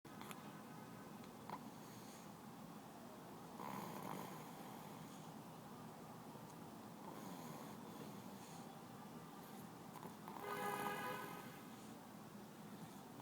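Soft, rattling snores recurring every few seconds, about 17 breaths a minute, over steady background hiss.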